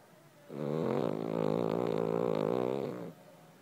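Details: Dog snoring: one drawn-out, vibrating snore lasting about two and a half seconds, with a fluttering rattle throughout.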